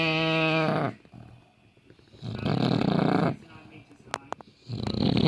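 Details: Extreme snoring in a rescue British bulldog: loud rattling snore phases separated by quieter pauses, with a brief clicking snort; snoring.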